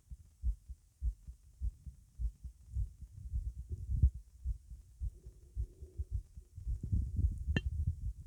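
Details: Fast, strong heartbeat heard at the tricuspid area, lower left chest edge, while standing up, roughly 105 beats a minute, with low thumping sounds.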